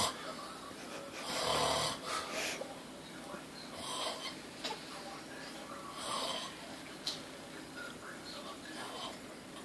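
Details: Loud, rough snores roughly every 2 to 2.5 seconds (about 25 a minute) from a man dozing halfway out of a chair, with a television on in the background; loud snoring.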